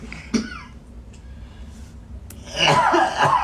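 A single sharp cough near the start, followed by another cough burst blending into a noisy stretch with voices and room noise.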